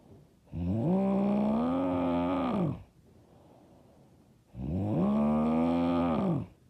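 Two long, loud, rumbling snores on the in-breath, about four seconds apart, with quiet out-breaths between; heavy snoring.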